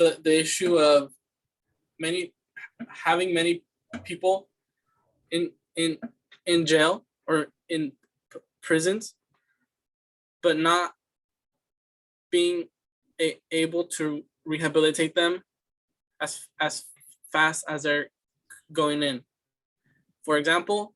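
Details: Student answering interview questions in a fluency speech sample for a communication disorders class, with repeated words; stuttering (disfluent speech).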